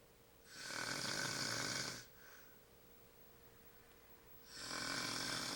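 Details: Shirtless adult man snoring during sleep, tagged with sleep apnea: two loud, harsh, hissing snoring breaths about four seconds apart with quiet between.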